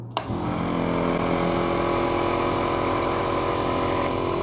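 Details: Home demonstration of a nebulizer machine with face mask: a steady mechanical hum and buzz from the compressor running without pause as it turns liquid medicine into mist; nebulizer compressor running.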